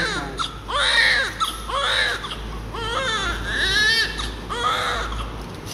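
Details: Newborn baby girl, born in the evening, crying strongly just after birth during cleaning: rhythmic, vigorous, high-pitched cries, about five in six seconds, over a steady low background hum; a normal newborn cry.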